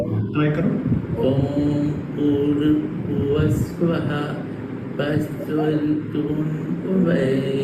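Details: Automatic speech in Broca's aphasia: a memorised mantra recited fluently.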